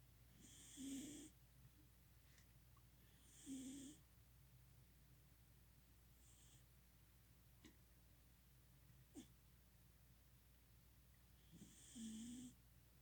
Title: My cat snoring